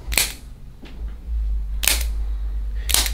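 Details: Three sharp snapping bursts from a spring-loaded chiropractic adjusting instrument on the sternum and front rib cage, over a low room hum, in a woman with chest knots and tension.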